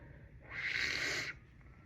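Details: Person with a cold, very congested, after failed attempts to induce a sneeze, sneezes back in bed: a single hissing, explosive burst under a second over quiet room noise; sneeze.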